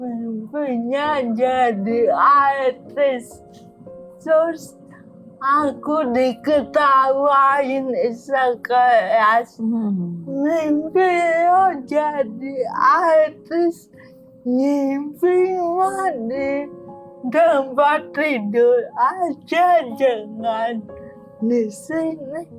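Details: Dysarthria in a young woman with cerebral palsy from oxygen deprivation at birth in 1998, diagnosed at age 1; a motor disorder from brain damage affecting gross and fine motor skills, not thinking; she has had speech therapy.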